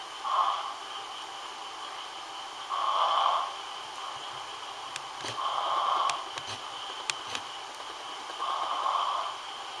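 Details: Four regular, noisy snorting breaths at about 21 per minute, with faint clicks in the background; snoring.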